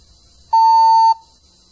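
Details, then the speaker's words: CardiAid CT0207RF automated external defibrillator instructional demo: a single steady high-pitched beep of about half a second, the movement-detected warning to keep the patient still and untouched before analysis resumes. "detected make sure patient is not being moved or touched once the patient is still the aad will resume analyzing the patient"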